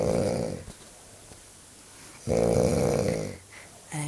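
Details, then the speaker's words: A man heavily snoring in sleep, described as unusually loud: loud, rumbling, rattling snores on each inhalation with quiet pauses between. "you do this when we get in the bed I will kick your ass because you're very annoying and it's very loud"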